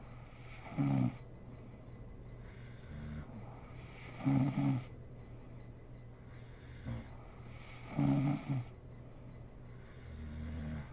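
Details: A mother snoring while asleep: quiet snoring with low rattling bursts about every 3.5 seconds, roughly 16 breaths a minute, over a steady room hiss.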